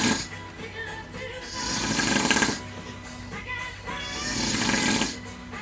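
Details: Man snoring in a hotel: loud, harsh snores with rattling breaths in and out, about one every two to three seconds, over background music.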